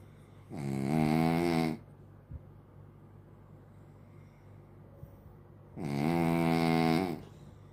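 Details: Two long, loud, droning snores about five seconds apart in a quiet room from a dog snoring like a human.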